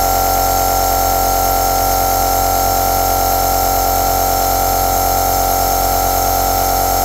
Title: Suono aerosol con luce azzurra e lampada al sale